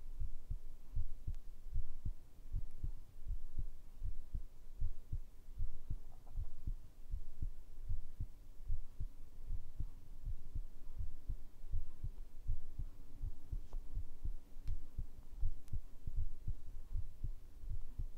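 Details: Heartbeat recorded with a binaural microphone for ASMR sleep audio: steady low double thumps, about 80 beats a minute, under a faint hum; a regular heartbeat.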